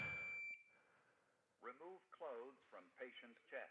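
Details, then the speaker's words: Startup tone, then a calm recorded voice instructing to bare the patient's chest and peel off the pad adhesive: Philips HeartStart automated external defibrillator (AED) voice prompt during a training demonstration. "It tells you what to do. It will walk you through every step of the way. It'll tell you what to do."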